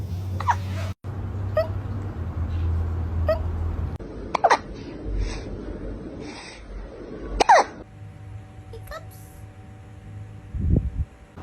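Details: Cat with hiccups after eating its food too fast, per the owner: several small, sharp hiccup clicks at irregular intervals over a steady room hum.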